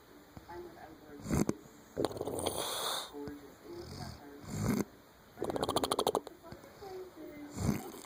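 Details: Loud, rattling, fluttering, snorting breathing sounds over faint background noise, likened to a horse; heavy snoring.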